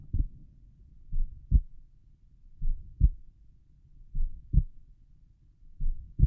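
Slow, steady paired heart sounds, about 55 beats a minute, at rest over the pulmonic area.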